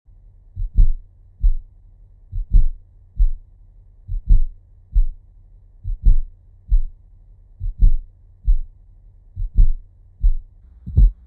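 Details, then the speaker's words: Fourth heart sound (S4 gallop): a slowed heartbeat with a soft, low extra thud just before each first heart sound, played in slow motion. "let's have a listen and see if you can distinguish that fourth heart sound just before the first one"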